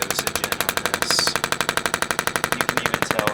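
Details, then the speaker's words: Radial shockwave therapy on the top of the shoulder, treated bilaterally for shoulder pain: rapid, very regular clacking pulses about four per second, with about 300 pulses left on this side of the usual ~2,000 per muscle group. "we've got about 300 pulses left on this side we only typically want to do about 2,000 per muscle group"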